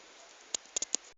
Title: baby moving makes cracking sound 39 weeks